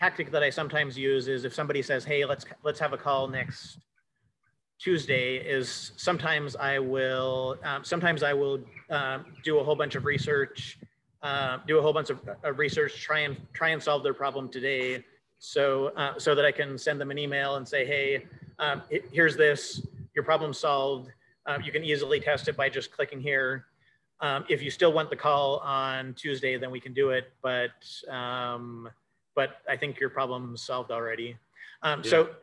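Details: Cluttering in an adult male speaker who says he has cluttering.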